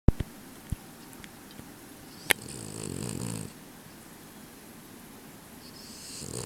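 Low rumbling snores with a few sharp clicks in a quiet room; a sleeping dog snoring.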